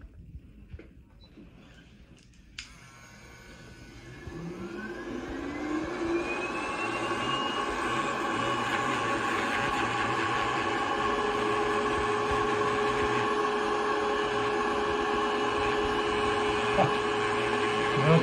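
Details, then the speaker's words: A rotary tool spins up to a steady whirring hum, grinding down thick callus around a foot ulcer in a diabetic patient with neuropathy; the ulcer, open for over two years, is now closed and managed with a brace. "Uh-huh. Okay, so now we're gonna grind it down."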